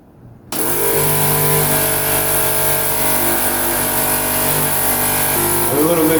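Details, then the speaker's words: A suction machine switches on and runs with a steady motor hum, checked before demonstrating nasal/oral suctioning of an infant to remove secretion buildup; suction machine running. "so now I'm going to hold up to this and I'm going to connect this with my suction tubing I'm gonna put my suction machine on"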